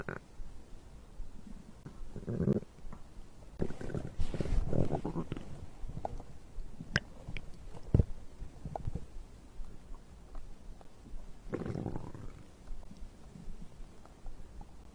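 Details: Bowel sounds recorded after drinking a beverage: soft low gurgles and rumbling swells over a faint hiss, ordinary digestion sounds.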